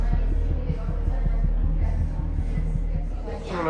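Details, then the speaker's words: Rescued stray dog with severe anemia (hematocrit 12%), parasites, dehydration and very low albumin, before blood transfusion: very fast heartbeat with a soft whooshing anemic heart murmur over a steady background hum. "輸血をすると赤血球の量が少ないため心雑音が聞こえますこれで改善します"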